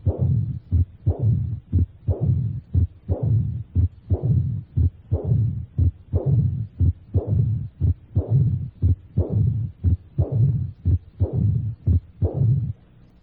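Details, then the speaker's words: Teaching recording at the apex in a patient with severe aortic regurgitation: mid-diastolic and presystolic murmurs that mimic mitral stenosis. This is the Austin Flint murmur. "en algunos pacientes con gran insuficiencia aórtica se encuentran soplos apicales mesodi asó y presistólico que simulan los soplos de la estenosis mitral Este es el soplo de Austin flint"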